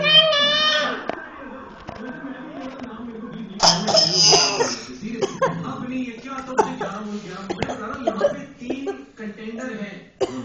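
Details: A child's voiced, whiny sounds with a harsh cough burst and a few short cough-like noises among vocalizing: child coughing.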